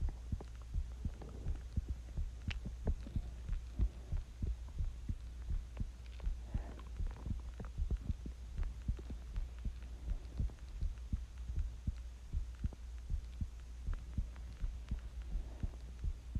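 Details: Self-recorded heartbeat of a person sick with the flu; soft, regular low thumps at about 80 beats a minute under a steady hum; normal rate and rhythm, normal heartbeat.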